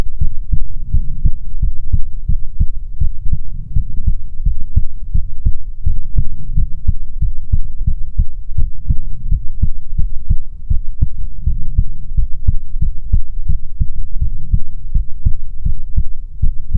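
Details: ASMR heartbeat recording: steady, deep thumping beats at a regular rhythm, about 80 a minute, with a low hum behind; heartbeat.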